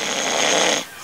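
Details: Snoring in adult man (lorry driver) with sleep apnoea before CPAP treatment: one harsh, hissing snore under a second, loud enough to wake the dead; pauses between snores worried experts; snoring.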